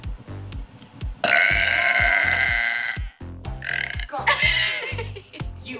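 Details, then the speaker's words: Repeated burping: long, loud, rumbling belches over rhythmic background music, with laughter and others calling it disgusting. "my mom wants me to bark it's disgusting i just did it disgusting i couldn't get it out it took me longer than uh okay you're"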